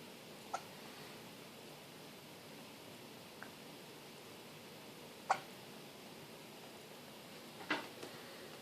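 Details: Newborn baby boy's first hiccups outside the womb: four soft, abrupt hiccup clicks spaced irregularly over about nine seconds, faint background hiss.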